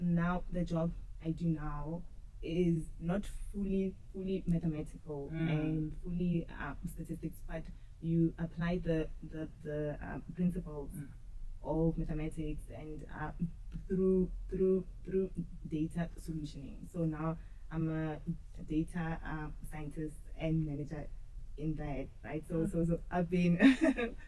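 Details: Woman who says she has stuttered and struggled with it since school; her stuttering is noticeable in her interview speech; stuttering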